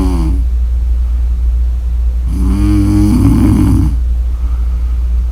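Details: Person snoring: a rough, buzzing snore on the breath in, with a steady low room hum behind it.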